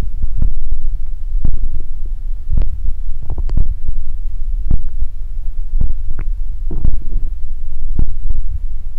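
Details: Close-up body ASMR recording of low rumbles and irregular gurgling pops from the belly over a steady hum; ordinary stomach growling (borborygmi).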